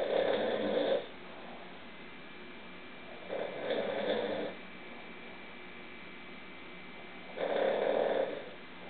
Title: snoring 002